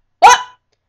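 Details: Girl with Tourette syndrome makes an involuntary loud vocal noise; she describes her tics as loud noises she cannot help; vocal tic.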